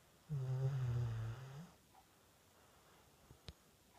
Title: Guinny snoring 3